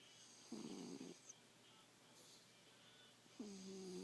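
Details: Sleeping cat snoring: two short, soft snoring breaths, the second smoother and whistle-like, over a quiet background.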